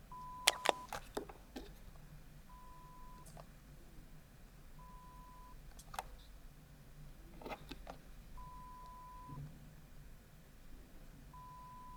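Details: Audiometer in a binaural ASMR hearing-test role-play: steady mid-pitched beeps repeat at intervals between sharp clicks, listener pressing when heard; pure-tone audiometry test tones.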